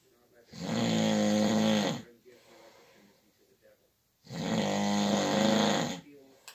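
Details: Night-time snoring by someone keeping a bed partner awake: two long, loud, vibrating snores on inhalation with quiet exhalations between in a still room.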